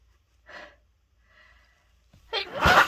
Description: Still so stuffed up from my cold, decided to try a dose of chhinkni and could not stop sneezing.